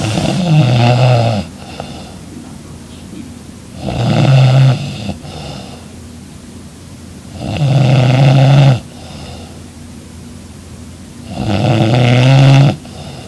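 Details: Loud, regular snores on each in-breath, about 15 a minute, with quiet out-breaths between, from a sleeping young woman lying beside her boyfriend: heavy snoring.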